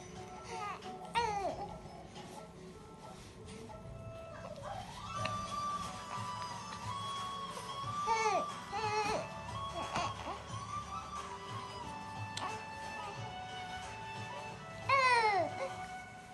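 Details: Infant girl after tummy time, wanting to be held: intermittent fussy cries and whimpers over background music and adult talk; infant crying.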